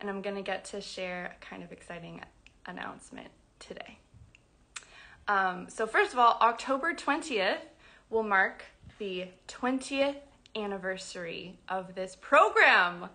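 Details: Adult woman who identifies as a person who stutters, speaking spontaneously on a livestream; stuttering.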